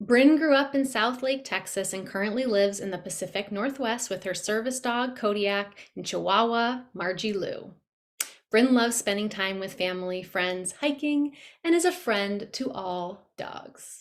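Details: Adult woman speaking; normal speech.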